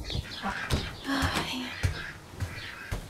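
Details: Rooster with a suspected respiratory infection after hot, cold then humid weather: several short, rough, breathy bursts with brief thin tonal bits instead of a full clear crow, a wheezy, strained crow.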